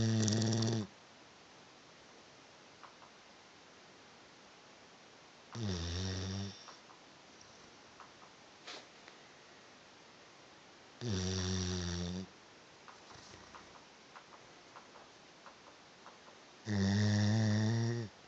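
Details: Sleeping Labrador giving very loud, rumbling snores, one every five to six seconds, with a quiet room between them; dog snoring.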